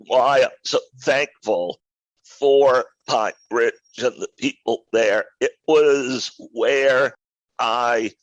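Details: Adult male with a rare neurological voice disorder acquired in 2012 that made speaking difficult, still audible in his speech today: neurological voice disorder (spasmodic dysphonia type).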